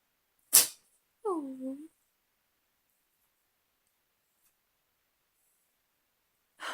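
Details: Trying to sneeze: a single sharp, hissing burst followed by a brief rising-falling vocal sound, then quiet; small sneeze.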